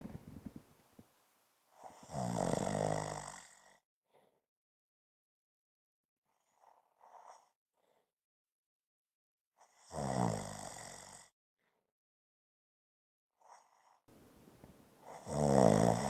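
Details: Loud rattling snoring on each in-breath, separated by quiet pauses about every eight seconds, from a 5-minute snoring recording.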